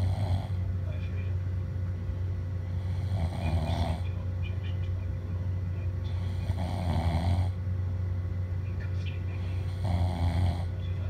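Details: A friend asleep, snoring loudly: regular rumbling snores, about three in eleven seconds (roughly 16 breaths a minute), over a steady low hum; ordinary snoring.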